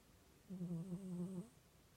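One soft, low, buzzing snore lasting about a second in a quiet room; a cat snoring.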